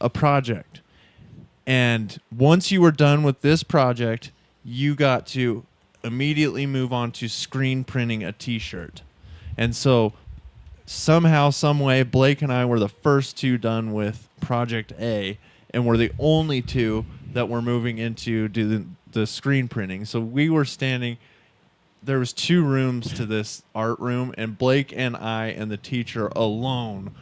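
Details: Adult man speaking; Normal conversational speech.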